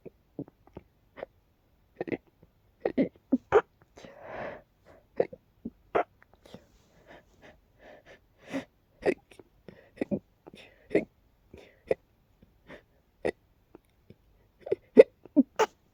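Repeated short, sharp breathy catches at irregular intervals, with one longer breathy burst; hiccups after a bout of sneezing.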